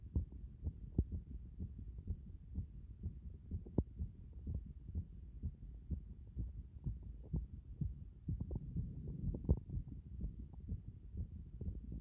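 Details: Heart sounds recorded through a stethoscope at various chest positions: low thudding heartbeats, roughly 120 to 125 beats a minute, irregular in loudness, with some rubbing noise.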